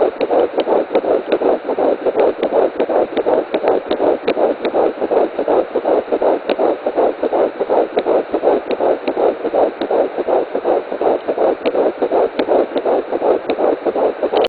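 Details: Fetal heartbeat on Doppler at 10 weeks 5 days: rapid, regular whooshing pulses at about 160 beats a minute.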